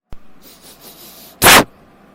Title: Sneezing in corona time..My friend afraid of corona virus 🦠..